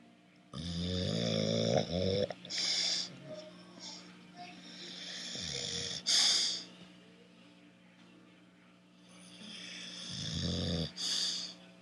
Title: My Bulldog Snoring